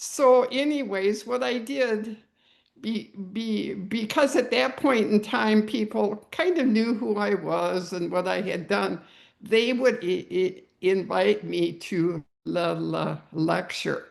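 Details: Adult woman who stutters, with audible repetitions; she chased fluency for a long time and found that voluntary stuttering helped her; stuttering.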